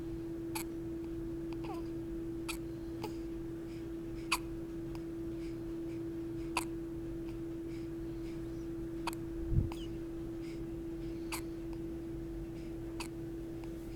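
Faint, sharp, repeated hiccup clicks, about nine in fourteen seconds, over a steady low hum. Hiccups.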